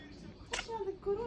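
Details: A single quick, sharp sneeze from a cat, possibly with a cold, followed by a faint human voice in a quiet room. Sneeze.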